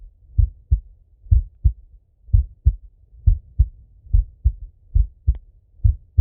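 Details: Self-auscultation of a male's heart through a stethoscope as he falls asleep: regular paired lub-dub beats at about 65 a minute; normal heart sounds.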